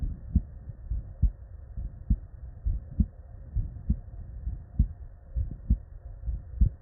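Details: Real, unedited human heart sound recorded at the bedside: steady lub-dub heartbeat at about 67 beats a minute with a soft background hum; normal first and second heart sounds (S1 and S2).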